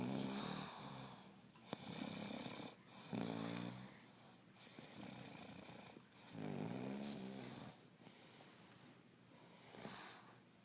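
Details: Person snoring: repeated rumbling snores on both inhalation and exhalation, around 19 sounds a minute, with a fluttering quality.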